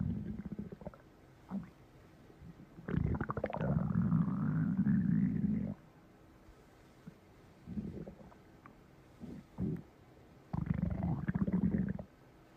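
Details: Loud, drawn-out gurgling stomach growls in several bursts with quiet gaps between them: stomach rumbling.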